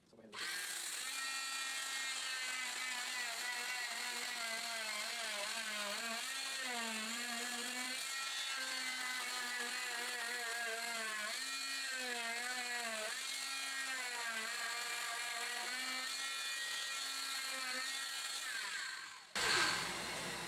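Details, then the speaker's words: Steady high buzzing whine with wavering pitch as a cast saw splits an ultralight post-op short leg fiberglass cast over thick padding; cast saw cutting fiberglass cast. "so this can be taken off fairly quickly because there's so much padding it's not going to be burning or catching the patient's skin in any"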